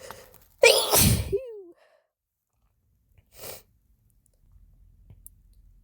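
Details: A sharp, forceful sneeze trailing into a voiced sigh, then a softer second burst. Induced on first use of chhinkni sneezing powder, helped by a rolled napkin in the nose: sneezing.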